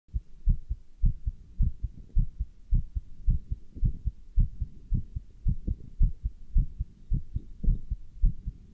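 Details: Person wearing a stethoscope with a chest band while standing still and lifting dumbbells: steady paired low thumps of a heartbeat at about 110 beats a minute, fast with exertion; normal heart sounds.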